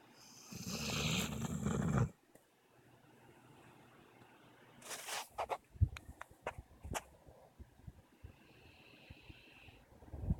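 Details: Female dog napping then waking: a loud, rumbling snort-like snore, then quiet and stirring noises, a brief whine, soft clicks and movement; snoring.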